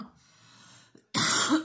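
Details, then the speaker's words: Single harsh cough after room hum from a woman who says she keeps coughing, with a TV left on in the background. "Je suis désolée, je fais que tousser."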